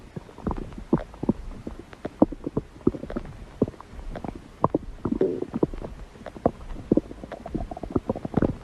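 Irregular low gurgles, pops and rumbles from the belly throughout; ordinary stomach growling from gas and fluid moving through the gut.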